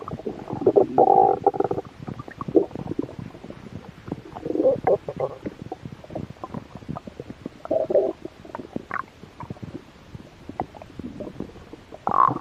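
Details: Stomach growl with mild hunger: irregular gurgling rumbles and bubbling squeaks from the belly; ordinary stomach growling (borborygmi).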